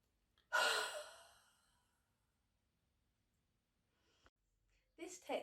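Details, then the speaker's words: Demonstration for chronic lung disease chest clearance, active cycle of breathing: half breath in, then one long, soft, unvoiced open-glottis exhalation like steaming a mirror; small long huff, forced expiratory technique. "it involves taking a half breath in and then exhaling with an open glottis an open throat which means that no sound will come out at all it's a bit like when you steam up a mirror to clean it"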